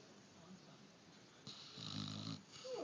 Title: He snores too